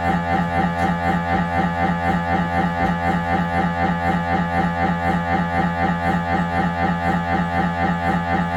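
Loud, steady, rapid droning pulses, about four per second, from an MRI scanner during a routine head scan; normal scanner operating noise.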